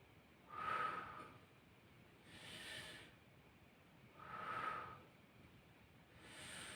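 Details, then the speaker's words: Normal breath sounds on auscultation of the posterior thorax during a nursing student's thorax and lung assessment demonstration, male patient breathing in and out through the mouth: soft, slow breaths, about 20 a minute, no wheeze or crackle. "i'm now going to proceed to the auscultation of your posterior thorax okay so this is done to assess the airflow from your air passageways okay so this time mr patrick i need you to inhale and exhale using your mouth"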